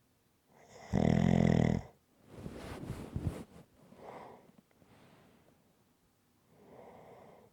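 A loud, buzzing snore on the in-breath, then rough fluttering out-breaths and softer snores: rhythmic snoring.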